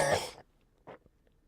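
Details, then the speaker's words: Adult coughing repeatedly, a cough that has been recurring daily and seemingly worsening over time, followed by throat-clearing and snorting. "I wish I would shut the [ __ ] up. I wish I could shut the [ __ ] up and stop coughing."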